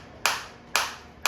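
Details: Sharp, evenly spaced snapping pulses about twice a second, fading quickly, from a focused (not radial) ESWT applicator in a demonstration, in automatic shot mode; shockwave applicator firing.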